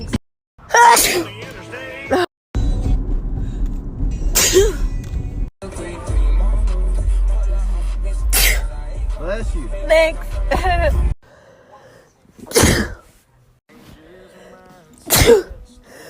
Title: Natural allergy sneezes